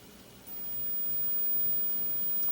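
A very high, thin steady tone begins after a faint click, with low room hiss underneath; a 15 kHz hearing test tone.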